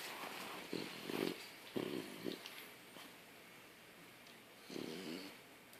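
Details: French Bulldog with a saggy face snoring in sleep: short, raspy, snorting breath bursts typical of a short-nosed breed.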